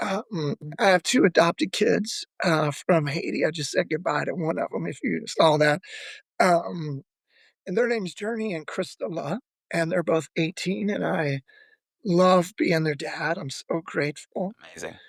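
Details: Adult male former lead vocalist with spasmodic dysphonia, a vocal disorder that began at the height of his singing career and ended his music career; he says it is audible in his voice; real condition, spasmodic dysphonia.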